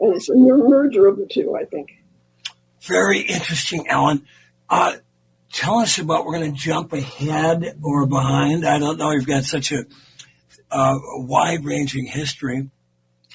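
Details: Elderly former singer who recently lost a vocal fold, not caused by the polio they had in 1948; voice changed from their singing voice; dysphonia from vocal fold loss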